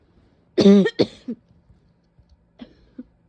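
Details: Two loud, harsh, voiced barking cough bursts with a short third, then faint quiet sounds; described as a painful barking cough with a couple of sneezes. Barking cough.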